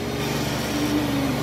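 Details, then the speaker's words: CO2 fractional ablative laser facial resurfacing on the dermatologist's own face, a procedure the patient found very painful: steady machine hum with a brief rising tone as the laser fires, while the patient is told it will feel warm and not to move. "all right so you're gonna feel a little warm try not to move the bed okay"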